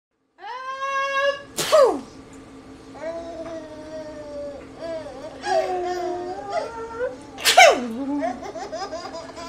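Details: Adult woman, reenacted sneezes: two sharp, explosive sneezes between a young child's high squeals and laughter; sneezing.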